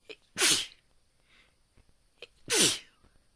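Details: Two loud, sharp, self-induced sneezes, each preceded by a brief intake of breath, in a quiet room.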